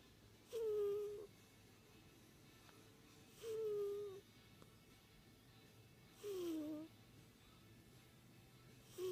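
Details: Snoring from an old cat napping.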